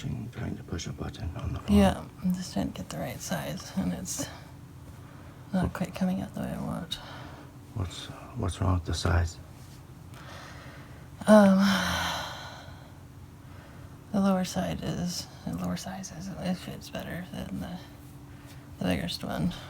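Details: Postictal confused, nonsensical speech in a woman just after a grand mal tonic-clonic seizure, her first in a month and a half, with a bitten tongue.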